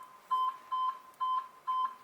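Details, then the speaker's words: Pulse oximeter beeping from a simulated iSimulate monitor, four clear regular beeps about two a second with each detected pulse, once the sats probe is placed in a training scenario. "on their monitor now so the sats probes gone on they've got a sats reading there uh it's also picking up as you would do a pulse rate and their sats there and it's bleeping away um as if the alarms were you know set on the monitor"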